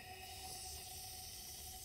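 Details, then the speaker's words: Steady hiss with a faint whistle-like tone from a nebulizer aerosolizing inhaled medication, driven by wall oxygen set at about six to seven liters per minute until mist appears; nebulizer running. "so until you see that mist so we'll turn it on it's usually some anywhere between six and ten liters turn it on"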